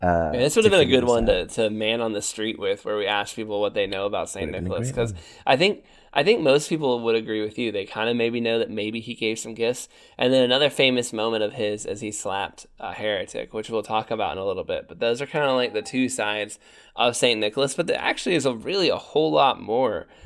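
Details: Adult man speaking; Normal voice.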